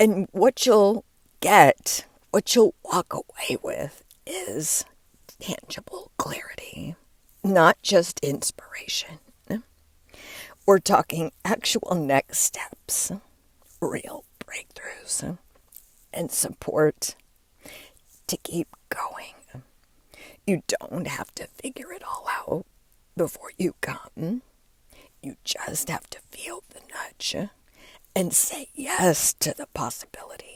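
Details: Adult woman with diagnosed spasmodic dysphonia, which she links to stress; onset when her voice started to go and words barely came out while speaking at an event; still present and still being worked through; spasmodic dysphonia.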